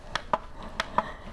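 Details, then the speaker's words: Adult CPR training manikin during instructor demonstration: paired clicks with each chest compression, about two compressions in just over a second; clicking signals adequate compression depth, target rate 100–120 per minute. "yes the clicking lets you know that you're going deep enough"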